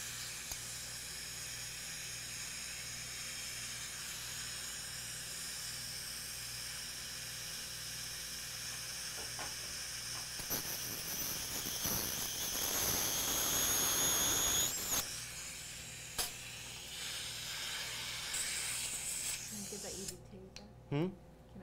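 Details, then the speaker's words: Steady hiss with high, thin whine and water spray from an ultrasonic dental instrument refining canal access during live root canal treatment of tooth #14. "but let me use some ultrasonics I think we need to get that prepped a little bit better"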